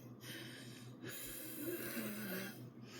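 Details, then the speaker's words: Person, not diagnosed with asthma, with noisy effortful breathing and faint whistling after a dance class; suspects an asthma attack: laboured wheezy breathing. "I went to a work dance class with my sister today and I genuinely think I might be having like an asthma attack or something cuz I am not diagnosed with asthma, but like I sound like this."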